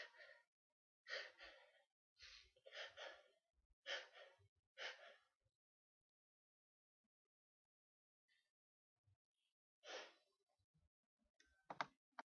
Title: Sneezes